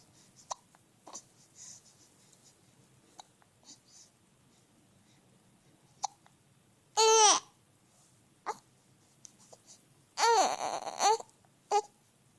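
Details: Infant hiccups in a baby boy: several small hiccup catches with fussy whimpers and two louder cries, baby upset by the hiccups.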